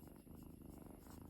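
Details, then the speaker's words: Pet cat Simba purring: steady low continuous rumbling purr with faint background hum, produced when affectionate and close to the owner, likened to snoring, not due to phlegm; cat purring. "നമ്മളോട് ഈ സ്നേഹം കൂടുമ്പോൾ അതുപോലെ ഒരു sound വരും ചില ആളുകൾ വിചാരിക്കും ഇത് കഫക്കെട്ട് ഒക്കെ കൊണ്ടാണോ ഇങ്ങനെ സൗണ്ട് വരുന്നത് എന്നൊക്കെ ചോദിക്കാറുണ്ട് കേട്ടോ"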